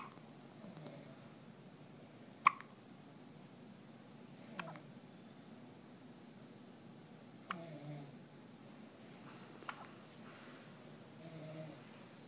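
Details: A first hiccup bout, with four sharp hiccup clicks about every two to three seconds over a quiet room hum.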